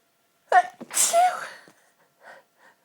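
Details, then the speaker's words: Single sneeze from dust allergy set off by a marathon cleaning session, in a person with a physical reaction to their own sneezes: a voiced intake followed by one loud, hissing explosive burst. "when I sneeze I get tingles running down my spine and although my legs show it feels so good I've always had a physical reaction to my own sneezes"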